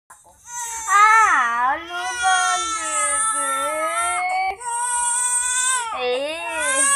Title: Baby crying